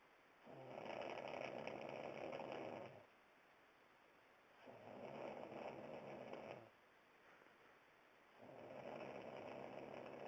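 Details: Three long, rough, buzzing snores, each about two seconds, roughly every four seconds (about fifteen a minute), with quiet pauses between; snoring.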